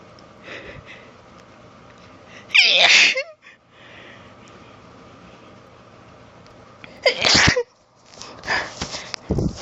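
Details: Female sneezing in bed during a short, strong allergy fit, recorded on a handheld cellphone: two loud sneezes a few seconds apart, each with a sharp burst and quick breath before, then short sniffs.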